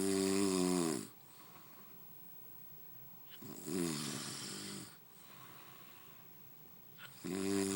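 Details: Man snoring in sleep: slow, loud, rattling snores on each breath in, with quieter breathing between, about 16 breaths a minute.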